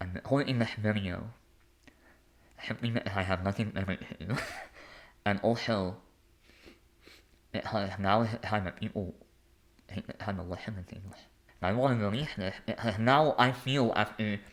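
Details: Lifelong speech impediment in an adult male.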